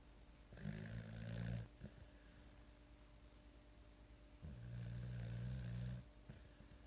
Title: Snore away lil grasshopper ha